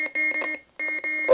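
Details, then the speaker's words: Simulated first-responder training: AED pads on the chest, analysis, "shock advised, charging, stand clear," then rapid repeated electronic beeps in two bursts with a brief gap; AED shock delivery tone, followed by "shock delivered." "let the AED analyze the Rhythm and follow the directions of the AED analy everyone stand clear shock advised charging everyone stand"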